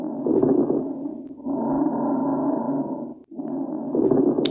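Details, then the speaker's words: Breath sounds through a stethoscope with a wet, crackly, popping texture over the breaths: crackles (rales), an abnormal lung sound. "Starting off with crackles or rails. This is that wet popping sound."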